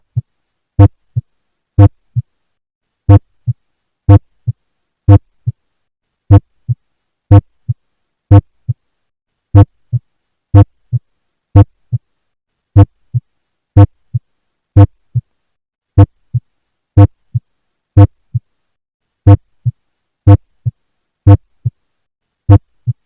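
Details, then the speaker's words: Mitral-area auscultation: regular heartbeat at about 60 a minute with a first heart sound much louder than the second, instead of only slightly louder; loud first heart sound (S1). "Mas neste caso a primeira bulha cardíaca é muito mais alta que a segunda bulha cardíaca"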